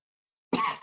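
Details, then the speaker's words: Single cough from an adult presenter who sounds unwell and is trying to suppress a cough at the end of a webinar talk: one short, harsh cough burst, quickly cut off. "Thanks for being able to get through that with trying to suppress a cough at the same time."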